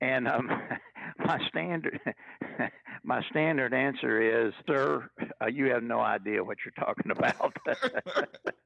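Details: Stuttering in a retired adult man who has stuttered all his life, since he first began talking in childhood in the 1950s; stuttering.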